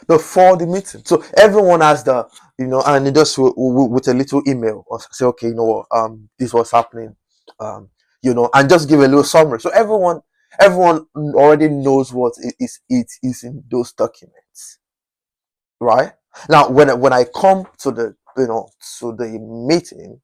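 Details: Adult man whose stammering was once chronic and who still stammers occasionally; stuttering.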